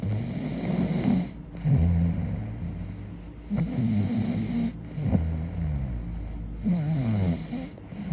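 Deep, rumbling snores on each breath in, about four in eight seconds, over steady background hum and faint music.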